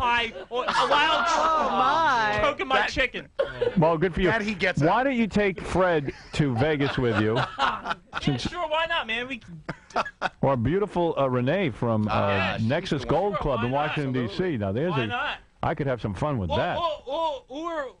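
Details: Adult male host, radio-style exchange with other voices and laughter; fluent speech.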